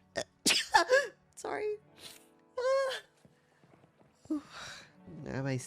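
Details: Edited compilation of repeated sneezing, cause unsure (weather or allergies): several sharp explosive bursts with a voiced catch, then a drawn-out vocal sound, over faint music; sneezing fits.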